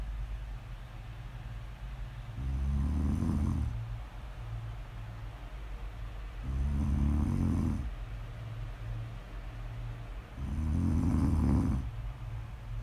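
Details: Low, rumbling snores on each inhale about four seconds apart, roughly 15 a minute, over a steady background hum; snoring, recorded as snore audio ASMR.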